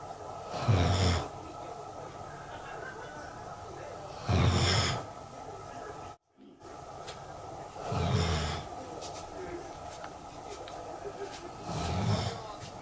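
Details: Loud, rhythmic snoring from Ku-chan, a sleeping animal, on January 4, 2022 after the New Year; about 16 snores a minute with quiet room noise between.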